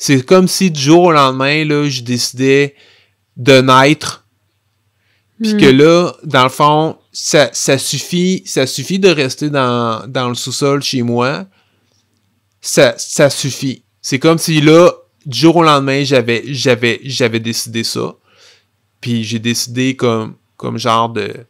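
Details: Stuttering in an adult man who has stuttered since childhood.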